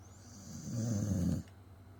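A single low, rumbling snore lasting under a second over a faint background whine. Ordinary snoring.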